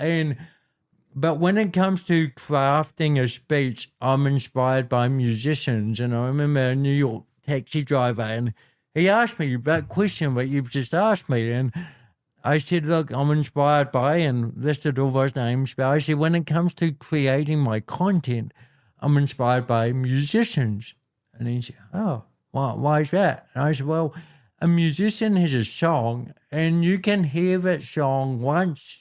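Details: Dysarthria in an adult man born with cerebral palsy, a physical disability affecting how messages travel around his body; he was told walking and talking would be his biggest challenges.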